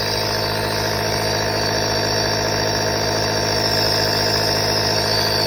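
Steady, loud mechanical hum with a fast rattling vibration and a hissy airflow layer: a nebulizer compressor running during a breathing treatment.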